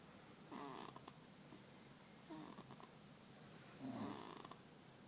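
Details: Sleeping baby, recorded September 2012, gives three soft rattling snores about 1.6 seconds apart during quiet sleep breathing; snoring.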